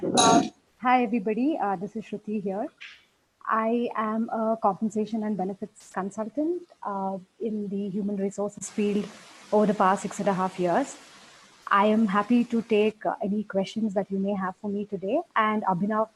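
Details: Adult woman speaking; fluent speech.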